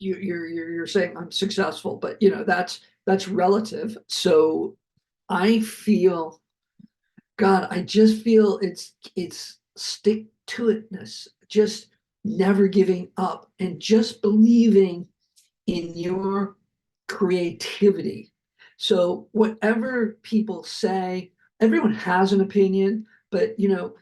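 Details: Adult male Hollywood producer who survived a heart attack and aphasia, speaking in an interview. Finding: aphasia.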